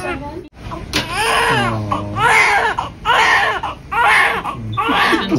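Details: Loud, repeated wailing cries from a premature newborn shortly after birth, with brief pauses for breath between bursts; a vigorous newborn cry.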